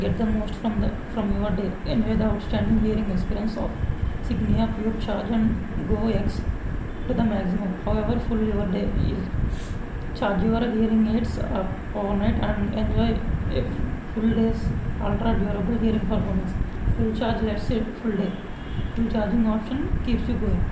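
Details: Puberphonia (mutational falsetto) with dysphonia in a young adult man, present since childhood, reading an English passage before voice therapy; high pitch, pitch breaks and soft voice.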